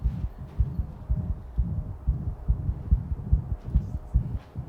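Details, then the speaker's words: Systolic heart murmur in a 7-year-4-month-old dog: fast lub-dub heartbeat with a soft whooshing sound heard only at the first heart sound (S1). "hear that yeah you can hear the L dub and then you can hear that amazing whoosing sound but you can only hear the whooing sound just at the S1 sound yeah"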